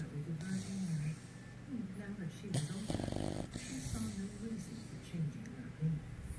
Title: Bulldog pup snoring